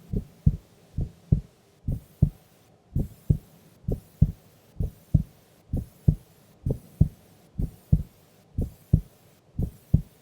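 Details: Female sleeping during an afternoon nap: steady paired lub-dub heartbeat, about 65 beats a minute, clear and quiet between beats; normal heart sounds.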